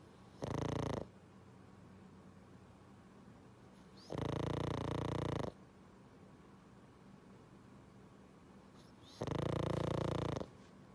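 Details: Pug napping and snoring loudly, likened to a freight train: snoring.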